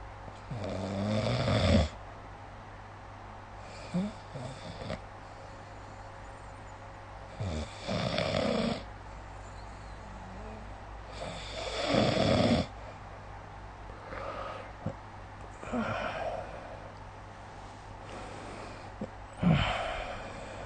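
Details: Snoring during sleep recorded with the SnoreLab phone app: loud, rough snores with each breath in, about every four seconds, with quieter breathing between.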